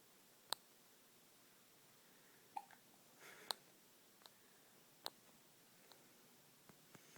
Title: hiccups!